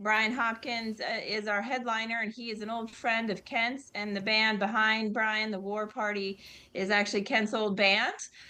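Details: Adult woman speaking; Normal speech.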